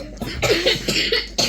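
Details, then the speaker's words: Several family members still quite sick: a quick run of about five short, dry coughs in a small room. "as you can hear everybody's still quite sick too cough cough cough cough cough"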